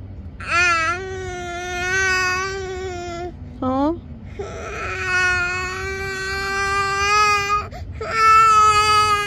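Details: 20-month-old toddler crying for tacos, possibly hungry: sustained wailing cries with breaks for breath while a parent asks what is wrong; an ordinary fussing cry.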